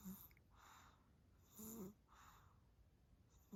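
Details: Very tired sleeping baby snoring: soft, noisy, rattly breaths, about three in a few seconds, over quiet room noise.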